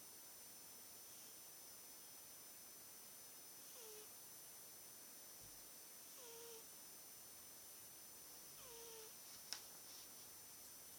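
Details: Three faint, squeaky, falling whistles about every two and a half seconds over steady hiss: soft whistling snores from a sleeping British Shorthair cat.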